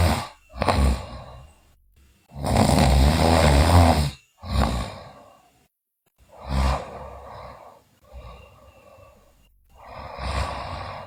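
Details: Loud, harsh, irregular snoring with rough throaty rattles and pauses from a sleeping girl; bruxism and delirious talking also noted in the recording.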